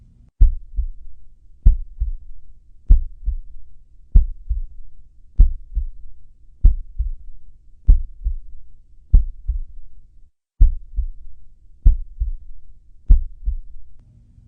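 Regular low lub-dub heart sounds at about 48 beats a minute, a slow rate consistent with bradycardia.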